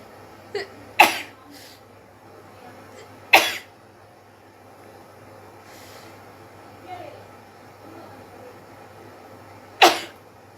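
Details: Sneezes deliberately provoked by sniffing chili powder during a sneezing challenge: three sharp, explosive bursts several seconds apart, with quiet between them.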